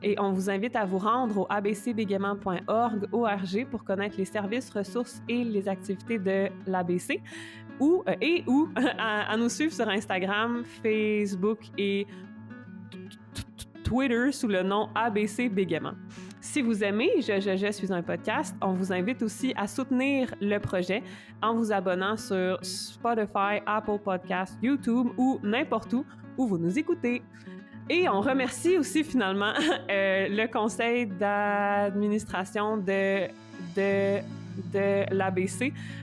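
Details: French-speaking adult woman who stutters; stuttering.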